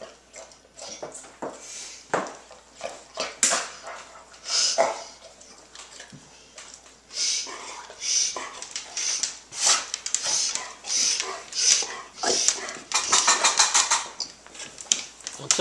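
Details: Dog named Bud, recorded 2 December 2010 on a Flip Video camera, with repeated harsh snorting breaths in quick irregular bursts during a reverse sneeze episode; regurgitation also noted.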